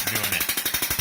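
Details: Extracorporeal shockwave therapy on the heel for plantar fasciitis, plantar fascia thickened on ultrasound: fast regular clicking pulses, about twelve per second, from the device during treatment.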